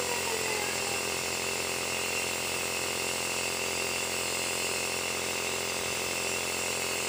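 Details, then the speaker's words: Steady loud hiss with rapid mechanical rattle from a home compressor nebulizer running to nebulize a 2-month-old baby for cough, with levolin 2.5 and normal saline; nebulizer running. "তো দেখতে পাচ্ছেন খুবই সহজভাবে বাড়িতে এইভাবে আপনারা নেবুলাইজ করতে পারেন বাচ্চাকে।"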